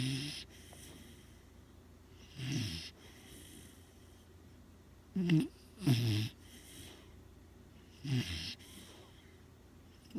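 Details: Low, rough snorting breaths recurring every few seconds, some doubled, with quiet pauses between: snoring during sleep.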